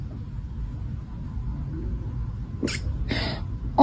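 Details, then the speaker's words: A kitten's hiccups: two quick, soft, sharp bursts about half a second apart over quiet room noise. "Oh, baby. Have you got hiccups?"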